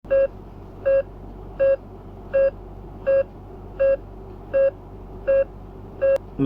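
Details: ICU bedside monitor beeping routinely while displaying vital signs such as heart rate and SpO2; the sound is described as normal and no cause for alarm.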